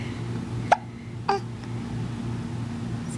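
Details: 9-week-old baby boy, smiley and a little spitty just after a bath: two short, sharp hiccups about half a second apart over quiet room noise; infant hiccups.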